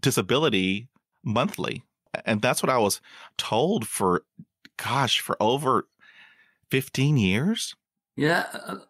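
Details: Stuttering in an adult host who has stuttered since growing up and still stutters.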